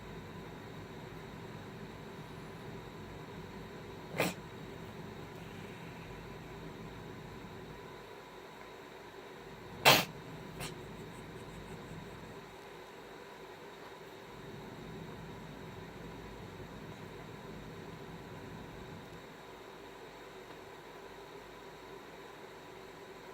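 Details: Cat coughing: two brief, sharp cough bursts, widely spaced, over steady room hum. Owner suspects something is bugging it.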